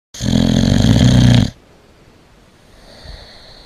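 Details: A boxer dog sleeping at Christmas snores very loudly, with enormous rumbling snores.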